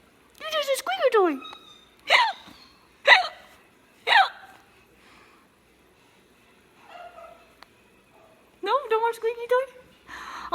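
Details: A breastfed baby with squeaky hiccups while playing with mom, who had drunk some coffee: sharp, squeaky little voiced catches about once a second, repeating.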